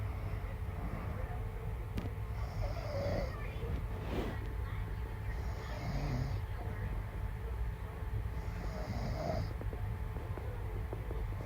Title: she said she don’t snore… chile 🙄😂 #shortsfeed